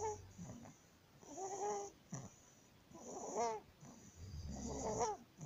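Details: 19-day-old baby with laryngomalacia; inspiratory stridor.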